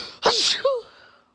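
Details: A woman sneezing on camera during a sneezing fit: one sharp, explosive sneeze with a voiced ending and a short trailing sound.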